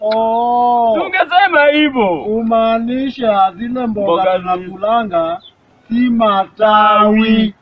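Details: Adult male speaker; ordinary speech.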